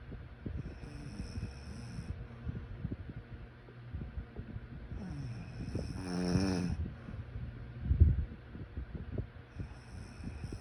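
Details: Soft, low, irregular snoring and snorting breaths during sleep, with one brief louder fluttering snore, against faint room noise.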